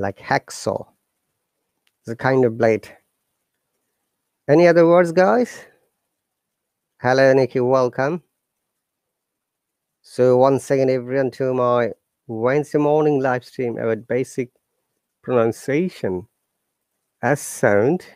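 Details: Adult male speaker; normal speech.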